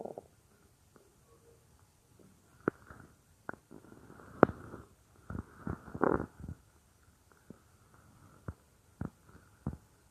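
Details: Real stomach growling of a female creator, recorded as roleplay audio of lying on her stomach: scattered gurgles, clicks and short bubbling rumbles, ordinary bowel sounds.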